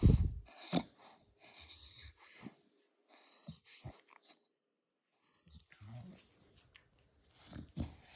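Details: American Micro Bully dog having a reverse sneezing episode, having her belly massaged: repeated snorting, honking inward breaths in short bursts; reverse sneezing.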